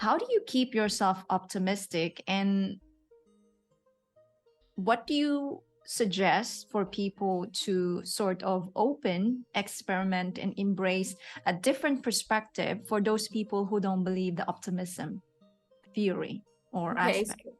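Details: Adult woman speaking; typical speech.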